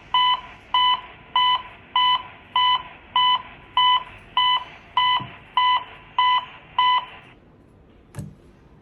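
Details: AED trainer in simulated CPR practice with voice prompts: regular electronic compression-pacing beeps at about 100 a minute. CPR metronome beeps.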